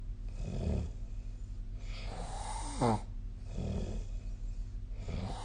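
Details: Snoring during sleep recorded with the SnoreLab snoring app on 15 December 2024: low rattling snores on two breaths with a brief rising squeak between them, over steady room hum.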